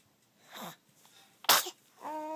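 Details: Eight-week-old baby boy: a soft intake of breath, then one sharp sneeze followed by a brief whimper.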